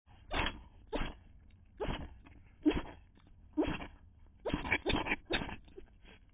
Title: Poor cat has a sneezing fit at Auspicious Restaurant